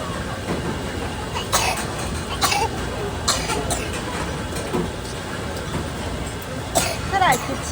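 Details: A baby girl aged 20 months 10 days, who still has a slight cough, coughs into her sleeve while visiting a seafood market.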